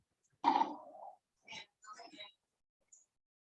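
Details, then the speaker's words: Inspiratory sleep stridor in a patient with multiple system atrophy (synucleinopathy): a loud, harsh, high-pitched crowing noise on breathing in during sleep, followed by softer noisy breaths; described as characteristic. "This type of sleep stridor sounds. Inspiratory size you can see now while talking."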